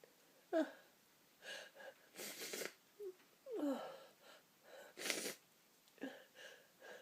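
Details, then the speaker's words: An adult with a tickling nose: several breathy, explosive sneezes and near-sneezes with quieter breaths between them. "you a my nose is tickling and tickling and tickling oh I've got to sneeze one more time bless me piss me"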